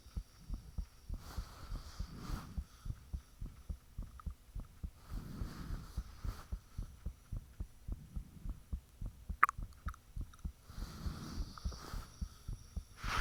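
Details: Self-recorded own heartbeat with the fan turned off, taken shortly after the heart began feeling unusually thumpy: strong regular thumping at about 105 beats a minute, faint low hum behind; valves and blood rushing said to be audible.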